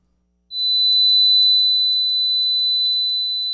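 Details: Tinnitus simulation (ringing in the ears).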